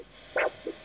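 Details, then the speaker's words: Simple Doppler ultrasound probe aligned along a blood vessel on a person: a soft whoosh with each heartbeat, the pulsing blood flow signal. "a whooshing sound. Whooshing sound. And there's one whoosh for each of your heartbeats."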